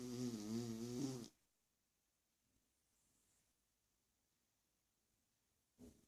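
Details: Beagle snoring: one rough, fluttering snore lasting about a second, then quiet, with a short start of another at the end.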